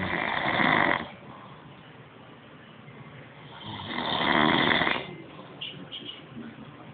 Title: Loud Snoring Man on Couch